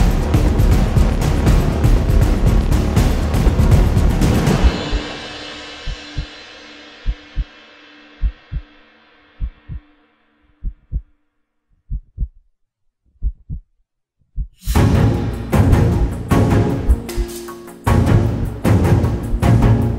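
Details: Heartbeat sound within an uplifting epic orchestral music mix: paired heartbeat-like thumps at roughly 55 a minute, heard alone in a gap between loud music passages.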